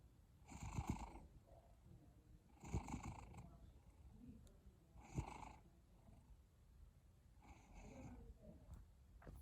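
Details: Sleeping cat snoring with a low, rattly rumble on each breath, about four snores in nine seconds, roughly 25 breaths a minute; snoring.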